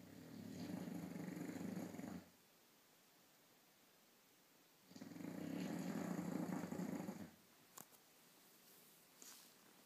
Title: Thor snoring